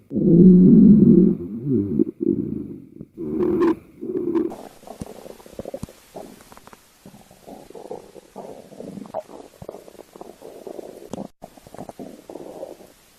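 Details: One person's own stomach growling, recorded as sound only: loud, low gurgling rumbles, then a long run of softer bubbling and gurgles.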